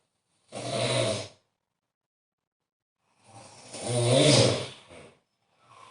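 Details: Two loud rattling snores with long quiet pauses between them in a quiet room; snoring during sleep.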